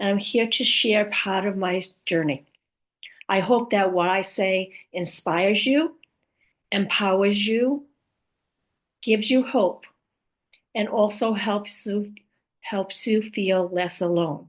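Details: Woman with aphasia after a stroke, who also mentions apraxia and dysarthria among her communication challenges; aphasia.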